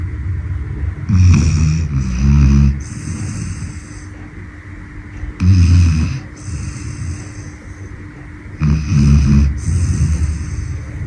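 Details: Dog named Brownie snoring within about 10 seconds of falling asleep: loud, throaty snoring, each inhalation rattling and snorting, roughly every three to four seconds; ordinary sleep snoring.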